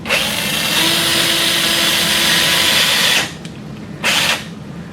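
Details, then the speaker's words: Simulated wrist total arthroplasty on a Sawbones model: a cannulated power drill drives a 1.5 mm guide pin through the carpal drill guide into the head of the capitate. A loud, steady, high-pitched drill whine lasts about three seconds, then a brief second burst. "For the rest of the technique, we'll be using a canulated power drill. Place the carpal drill guide over the head of the capitate and drive the 1.5 mm guide pin until the laser line is flush with the back of the carpal drill"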